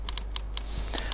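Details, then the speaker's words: Simulated clicking tinnitus: sharp, irregular clicks like an old typewriter banging away. "and of course we move on to the clickers and here there are quite a lot of varieties with many people saying their tight time tinnitus sounds like an old typewriter banging away yet others have said it's like the ticking of a hot engine cooling down"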